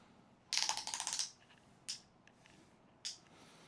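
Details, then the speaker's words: Right above-knee amputee dons a suction prosthesis: air released, a quick rattling burst of clicks, then two single clicks as the ski-lock-style secondary locking device engages; prosthetic leg suction release and lock clicking. "So, when you hear my leg goes on, you'll hear that of air going out of it. And then you'll hear this clicking."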